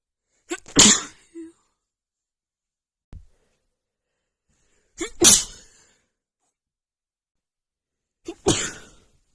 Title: Dust sneezing fit